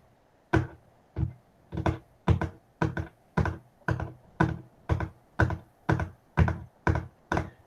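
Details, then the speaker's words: Imitated gallop rhythm: rapid, repeated dull taps in a galloping cadence representing third and fourth heart sounds together, as in decompensated heart failure with tachycardia over 100 beats per minute. "cuando está el tercero o el cuarto ruido los dos a la vez en insuficiencia cardíaca se llama ritmo del galope y se siente así"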